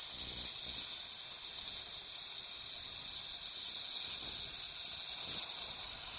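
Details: Ultrasonic piezoelectric bone saw cutting osteotomy near sinus floor in sinus technique, depth watched to avoid perforation; steady high-pitched hiss with faint squeals and irrigation spray.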